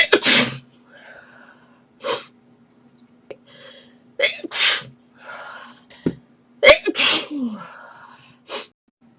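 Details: Girl sneezing while answering the phone, edited loop, allergy: about six sharp sneezes in quick succession with brief gasps and murmured words between them; a sneezing fit.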